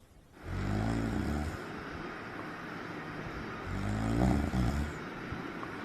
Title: Funny snoring #snoring #funnyvideo #foryou #duetfyp